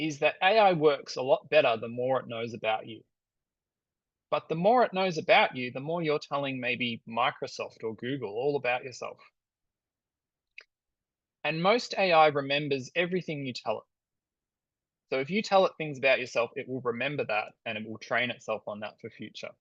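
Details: Adult male speaker; normal speech.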